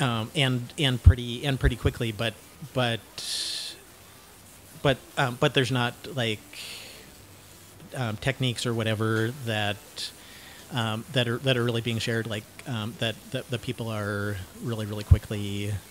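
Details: Cluttering, self-described syntactic subtype, in a 49-year-old man who uses learned fluency techniques while speaking.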